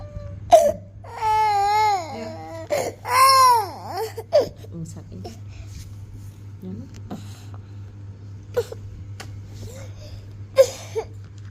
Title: who make baby cry